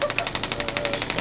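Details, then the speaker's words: Radial shockwave therapy on the lower central left knee of an adult male triathlete with knee pain: rapid, regular loud tapping pulses at about a dozen a second, held over the sore spot, which the patient rates 6–7/10. "so what Shockwave is aiming to do is we're kind of disrupting some of the tissue in this area that might have healed poorly"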